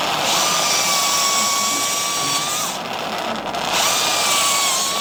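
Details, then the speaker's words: Steady high-pitched diamond drill whine that briefly drops out and restarts, drilling the base of the spinous processes during midline biportal endoscopic (UBE) two-level lumbar canal stenosis decompression in a patient with claudication at about 200 m. "Then we start with the drilling process with the uh diamond drill."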